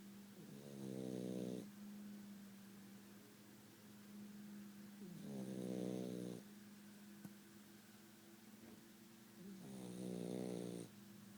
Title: Rocko snoring!